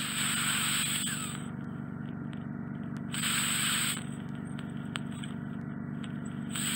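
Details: Endoscopic microsuction of deeply lodged, impacted ear wax near the eardrum in a male client with bilateral fully occluding wax (right worse): steady suction hiss and motor hum, louder rushing bursts and faint crackles.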